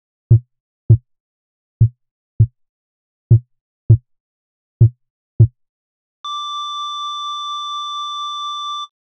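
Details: Simulated heartbeat sound effect: four slow, paired heartbeat thumps at about 40 a minute, followed by a steady continuous flatline tone, depicting death.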